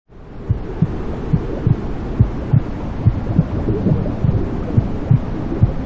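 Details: Steady low whooshing with soft rhythmic thumps about 70 a minute: womb sounds with the mother's heartbeat, blood flow and breathing, played to soothe newborns to sleep, possibly reproduced.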